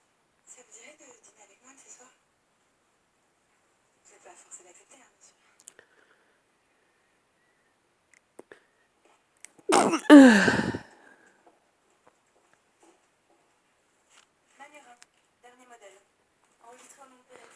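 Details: A single loud, explosive sneeze amid soft voices and whispering in a quiet room; described as one of a count of 12 sneezes.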